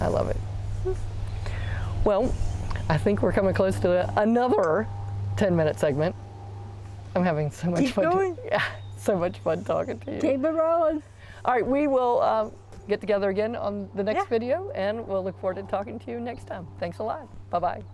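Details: Adult woman speaking; typical speech.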